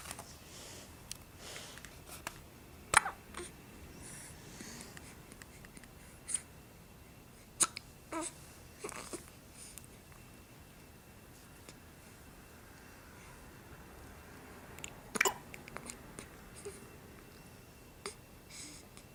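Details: A few brief, sharp little hiccup sounds from a four-week-old infant, about five in nineteen seconds and spaced irregularly, in a quiet room; infant hiccups.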